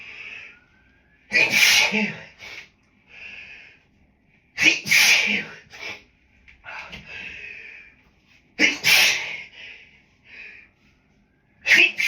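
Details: Adult with grass pollen allergy, triggered by a dog in the office: three forceful, partly stifled sneezes, each preceded by a sharp in-breath; allergic sneezing.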